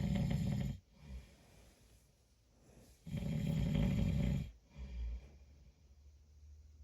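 Loud, low rattling snores on two breaths in, with quiet breathing between them. Ordinary snoring.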